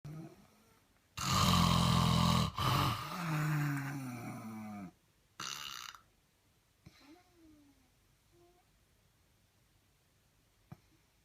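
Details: Snoring: loud, rough, low rattling breath noise in the throat over several seconds, followed by quieter breathing.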